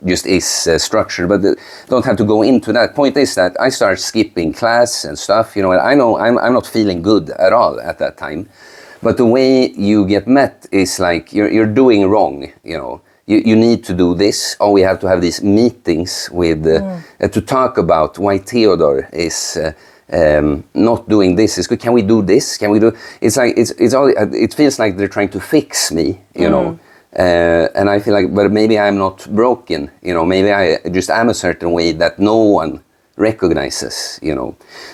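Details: Adult male speaker; conversational speech.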